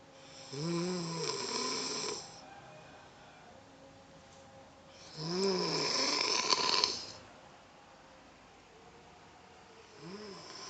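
Loud, rattling snores on each breath with a whistling, tonal edge, about 13 breaths a minute, with quiet pauses between them.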